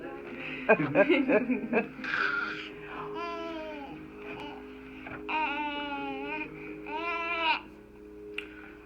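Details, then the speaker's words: 6-month-old boy with severe torticollis since 3 months, during Gonstead chiropractic neck muscle pressure: fussing rising to strained crying bursts, adult voice and background music; infant cry. "is where you might get a little upset at me when I start pushing on his muscle a little bit hang in there"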